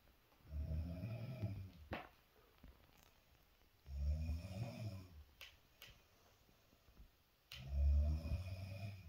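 Three loud, low, rattling snores on inhaled breaths with quiet pauses between, about 16 breaths a minute, in a small quiet room: snoring.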